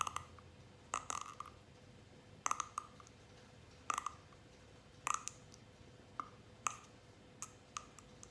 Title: Cracking my neck 50 times consecutively